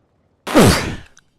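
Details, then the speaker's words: One sudden, forceful sneeze, a sharp explosive burst with a falling voiced tail lasting about half a second, from an adult streaming while playing a game, who felt it coming and called it a big sneeze. "oh jeez that was a big sneeze hopefully you didn't get to hear it this time"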